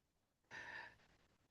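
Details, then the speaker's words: A female French bulldog snoring while asleep beside her owner: a single quiet, noisy snorting breath, an ordinary dog snore. "Eu tenho uma bulldog francês que ela ronca. Mas sabe por que que vocês estão ouvindo? Porque ontem eu tirei o abafador de ruídos por conta do PIN e vocês estão ouvindo o ronco da Kira aqui."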